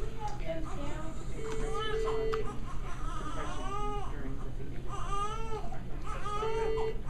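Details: Repeated rising and falling wails of a baby who got hiccups during a feeding that burping did not relieve, with a steady room hum behind; infant crying.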